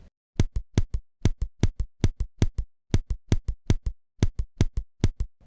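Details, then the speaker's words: Auscultation of chaotic tachycardia with mild irregularity: fast paired heart sounds around 140 a minute with slightly uneven spacing, a subtle arrhythmia heard only on careful listening. "теперь послушаем хаотической тахикардию там где есть небольшая"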